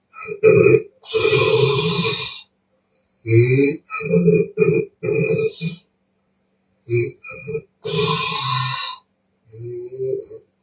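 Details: Real snoring from a young Chinese woman in deep sleep, recorded with permission: extremely loud, harsh, rattling open-mouth snores with mouth blowing in irregular bursts and short silences.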